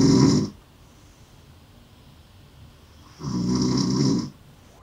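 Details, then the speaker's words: Snoring in an adult woman with a small jaw, recorded overnight at a sleep clinic during a sleep apnoea study: two loud, harsh rattling snores about three seconds apart, attributed to the tongue falling back and vibrating. "Your tongue's probably going back, you know, and that's what's creating the sound as your tongue vibrates."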